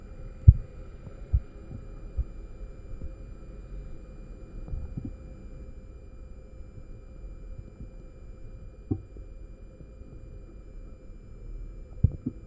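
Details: Korotkoff sounds during cuff blood pressure measurement, recorded with a MAX9814 microphone amplifier: faint, scattered low thumps over a steady electrical hum.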